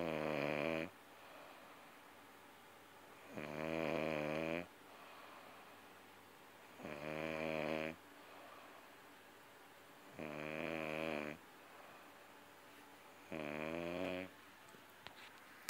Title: Yes...she does snore